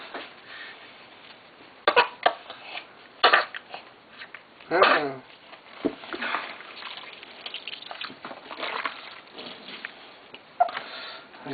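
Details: 5-week-old baby coughing in the bath: a few short, weak coughs and a brief squeaky vocal sound against low room noise.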